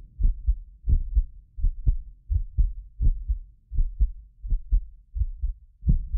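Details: Heartbeat of a medically fit person recorded with several precision contact microphones: steady paired low thumps about 85 a minute; occasional doubled click is a ~6 ms microphone-delay artifact. Normal heart sounds.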